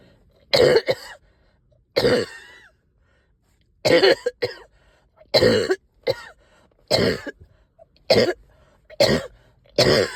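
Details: About ten harsh cough bursts with pauses, some doubled: a productive cough with stubborn sticky phlegm, coughing all night, with a heavy chest and headache.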